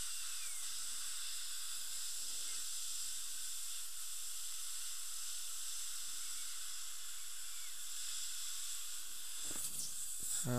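Steady high-pitched hiss and whine of a dental handpiece running with water spray, used on the back surfaces of the front teeth during bonding.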